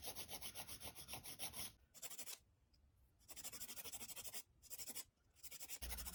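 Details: Toenail filing and trimming during an ingrown toenail spike removal pedicure: repeated rasping strokes of a nail tool on the toenail in quick bursts.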